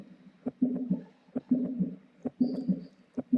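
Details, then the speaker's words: Normal adult heart sounds recorded alongside an ECG and played for comparison with fetal heart tones: regular paired low heart sounds at about 67 beats a minute. "Das ist die Frequenz eines Erwachsenen. Darum soll es aber heute gar nicht gehen. Ich habe das nur mitgebracht, weil es schöner zu hören und langsamer ist."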